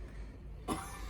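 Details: Single short, low cough burst over room noise, acted by a simulated 85-year-old woman with COPD exacerbation and a weak cough, receiving a breathing treatment.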